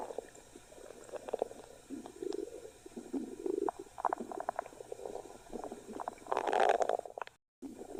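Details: Stomach growling (borborygmi): low gurgling rumbles and bubbling pops from the belly, rising to a longer gurgle near the end.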